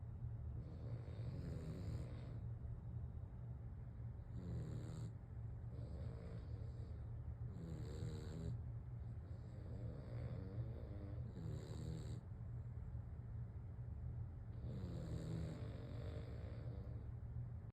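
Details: Deep rumbling snores about 16 per minute alternating with softer whistling breaths from two sleeping dogs snoring back and forth, over low background hum; snoring.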